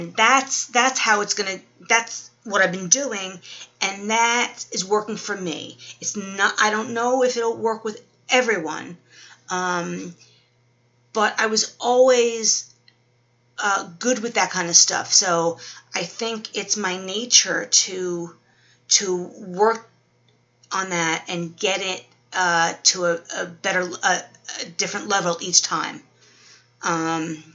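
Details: Adult woman 12 weeks after a stroke, with aphasia (described as Wernicke's aphasia) and apraxia, in speech therapy; word-finding difficulty, worse when tired.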